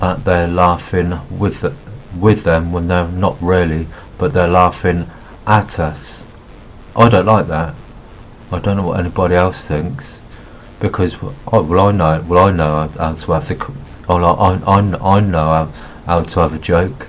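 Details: Adult male speaker with Asperger syndrome who says he stutters and refers to notes because of his stuttering; stuttering.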